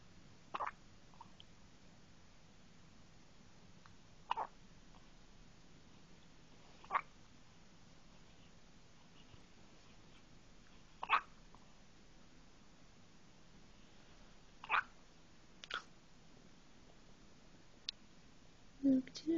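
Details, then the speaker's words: One-day-old newborn boy with hiccups: soft, sharp little clicks, about seven in twenty seconds at irregular intervals; newborn hiccups. "the hiccups already. Just one day old. Think they're done?"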